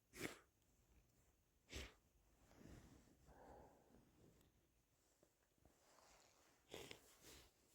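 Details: Stifled, muffled sneezes: several brief, held-back sneezes with lots of wet sniffling and breathing between them in a quiet room.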